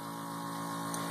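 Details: Jet nebulizer compressor running with sterile saline and no albuterol, during a demonstrated treatment with full breaths in and out: steady mechanical droning hum.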